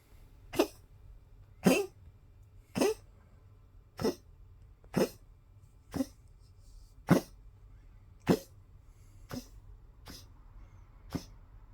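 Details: Poodle with tracheal collapse, coughing constantly, recorded March 2025: a run of about ten harsh, honking "duck" coughs typical of a collapsing windpipe.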